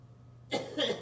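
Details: Homeless person coughing.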